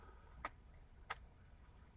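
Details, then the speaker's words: Adult stroke survivor with a mechanical aortic valve replacement: sharp, regular clock-like ticking valve clicks, audible when quiet, over room noise. "Well, it's not a pacemaker, but the valve, aortic valve, put in, and it's a mechanical valve, so when you hear it ticking, you hear that ticking. I know it's there. You can hear it when it's quiet, but it sounds like a clock ticking."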